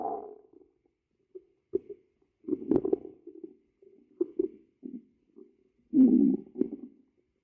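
Low gurgling and growling rumbles in short bursts, consistent with hunger-related stomach rumbling.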